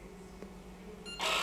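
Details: Real eye exam at an optician during subjective refraction comparing lens options: quiet room hum, then a sharp mechanical click and whir as a phoropter lens is switched.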